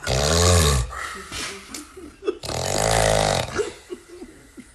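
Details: Two long, loud, deep rattling breaths with quieter snorts and clicks between them from a man; very loud snoring.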